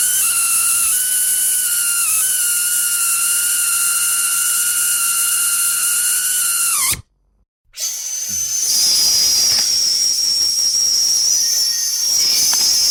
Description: 2 SOUND EFFECTS OF THE DISTURBING SOUND OF THE DENTIST DRILL.